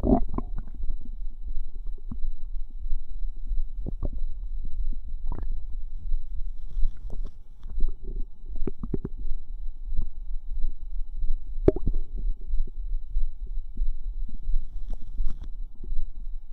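Irregular low gurgles, pops and bubbling squelches throughout; ordinary active bowel sounds.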